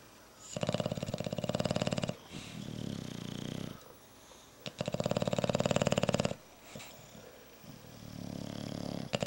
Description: These are my snoring bulldogs.